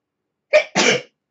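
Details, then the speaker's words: A single adult sneeze from a woman who says she has to sneeze again: a brief voiced intake, then a sharp explosive hissing burst. "Oh God, I gotta sneeze again."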